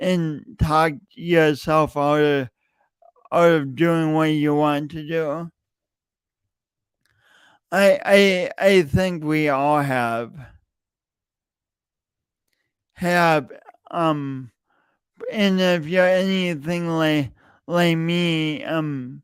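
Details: Real, self-reported speech impediment in an adult male, present for years and heard whenever he speaks; stuttering (speech disfluency).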